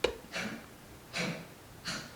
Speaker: I don't know if you can hear that my dog's having a cough attack um but he's fine anyways